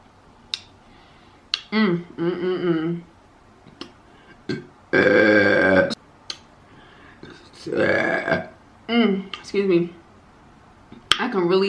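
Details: Repeated belching during a mukbang eating session: several loud, drawn-out voiced burps between quiet pauses and eating sounds, with "excuse me" after them.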